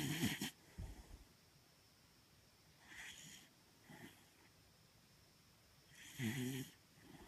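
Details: Quiet, irregular snoring sounds with a few louder snorts between faint breaths; snoring.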